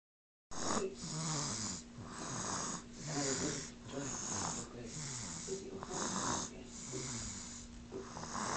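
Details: Snoring, said to be real with no sound effects: loud, rough, rattling breath noises repeating steadily on both in- and out-breaths, with a faint steady hum in the background.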